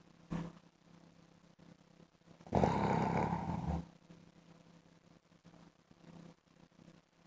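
One loud, rumbling, buzzing breath standing out from a quiet room; a deep snore.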